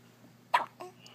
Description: Right after my daughter was born she got hiccups and sounded like a dog